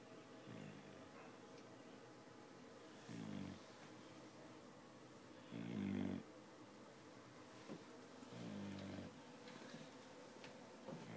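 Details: Sleeping pet dog snoring loudly enough to wake the owner: soft, low snores about every two and a half seconds, roughly 23 per minute, in a quiet room.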